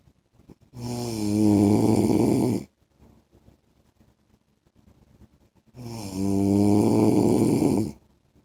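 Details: Husband's heavy snoring in sleep: loud, rattling snores on two long inhalations about eight seconds apart, quiet between.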